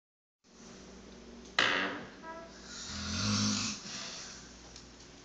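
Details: A harsh, loud, raspy inhaled snore followed by a rougher breathy exhale from a sleeping man; heavy snoring.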